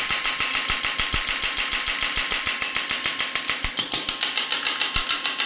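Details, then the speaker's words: Rapid, regular sharp clicking shots, about two per second, over steady electrical hum: an electromagnetic clinical shockwave therapy device for orthopedic care firing after frequency is increased, with energy lowered. "और अब जैसे कि मैंने shots बढ़ाए हैं, frequency बढ़ाई है, तो आप देख सकते हैं कि ये शॉट्स जो है वो भी इंक्रीज हो गए हैं।"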